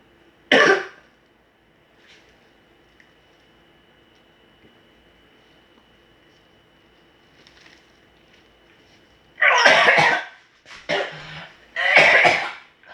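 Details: Adult who says they cannot wear a mask because they will be coughing gives one sharp cough, then after a quiet pause a cluster of three or four harsh coughs.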